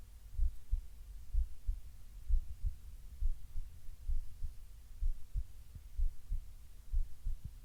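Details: Heartbeat recorded while lying on the left side and breathing softly: muffled, low thumps in a steady rhythm of about 63 beats a minute, with a faint hum. Normal heartbeat.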